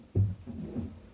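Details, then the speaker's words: Simulated heart sounds from a 1991 computer medical-teaching program, stethoscope at heart position of a female patient with dizziness and arrhythmia: deep heart thump then soft sustained whooshing rumble; heart murmur. "sound we can hear that there's a bit of a murmur in this patient so that gives us maybe some idea about why our dizziness"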